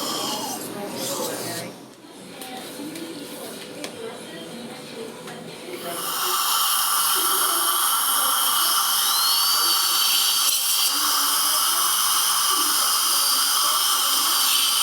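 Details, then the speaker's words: Steady high-pitched whine of a dental drill removing an old crown from a previously crowned tooth, before preparation for a CEREC crown. "So we're gonna, first thing we need to do is take that old crown off of that. So we're just gonna start doing that before we do anything else."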